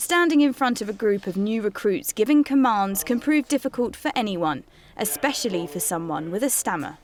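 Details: Adult female narrator; normal speech.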